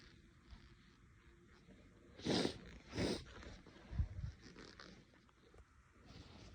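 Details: Person with an itchy, irritated nose over several days, during a prolonged sneezing fit: two sharp, hissing sneezes in quick succession, then softer snuffles.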